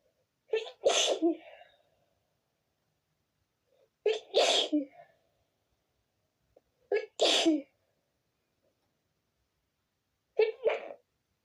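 Four forceful sneezes in quick succession, each with a sharp intake and explosive release; a sneezing fit.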